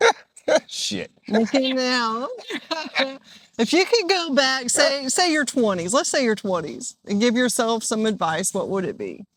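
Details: Adult woman speaking; no disorder.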